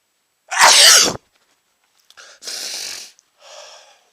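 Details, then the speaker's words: Loud explosive sneeze, then softer sniffing and breathy exhalations, provoked by sniffing chhinkni (sneezing powder); tickling nose, watery eyes, runny itchy nose reported. "another gigantic sneeze I still feel it tickling my nose making my eyes water my nose run and I'm going to sneeze"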